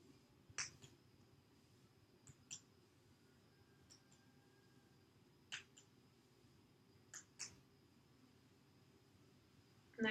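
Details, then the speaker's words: Abdominal percussion, done quadrant by quadrant from the left lower quadrant: soft, sharp finger taps going from hollow tympany over bowel to dullness over solid organs. "It should change from a tympanic area to an area of dullness. And once it changes to dullness, I'm going to mark that point."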